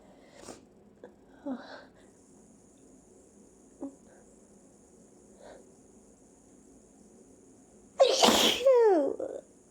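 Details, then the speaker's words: Person with repeated, unusually big sneezes and a lingering tickle: faint breaths, then one loud, explosive sneeze with a trailing voiced exhale. "oh it's almost like these sneezes aren't helping because i still feel like i have to see oh my god well i still have to sneeze"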